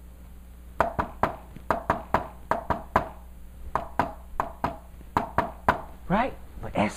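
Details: Tapped imitation of a three-beat S4 gallop rhythm (S4-S1-S2, "Ten-nes-see" cadence), with S4 falling just before the first heart sound.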